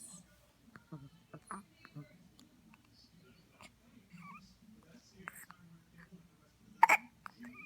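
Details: Four-day-old newborn with hiccups: repeated brief, sharp gulping catches, with soft adult talk in the background.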